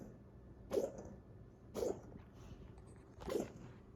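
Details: Coughing fit in a dog: three short, harsh coughs about a second apart in a quiet room.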